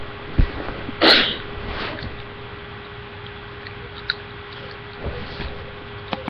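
A single sharp, explosive sneeze against steady room hum, followed by faint movement sounds.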